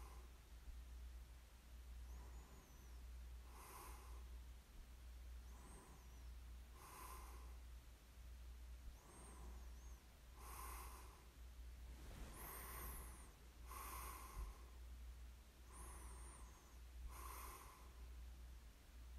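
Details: Snoring during sleep: soft, rhythmic snorting breaths about 27 a minute with faint whistling noises over a steady low hum; light snoring.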